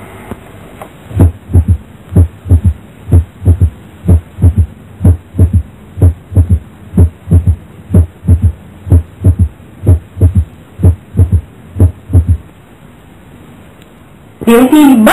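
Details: Physiological split first heart sound, as can be heard in children and young adults.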